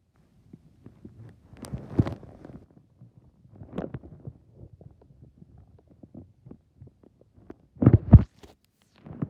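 Irregular low gurgles and rumbles with a few louder bursts; ordinary stomach growling from gas and fluid moving through the gut.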